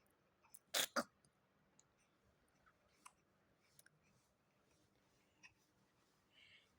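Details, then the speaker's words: Two-month-old baby with a freshly shaved head gives a quick double sneeze, two sharp bursts close together, followed by faint small clicks and rustles in a quiet room; sneezing. "Alhamdulillahirrahmanirrahim ya. Siap bersin begitu ya Ade ya."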